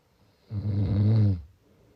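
One loud, low, rattling snore lasting about a second in a quiet room.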